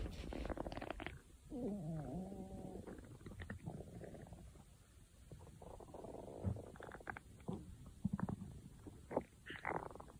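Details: Gurgling, squeaky rumbles and bubbling pops of a growling stomach; ordinary bowel sounds (borborygmi).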